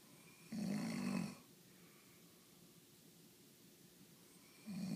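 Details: Two low, rattling snores on inhaling, separated by a quiet exhale pause; ordinary snoring.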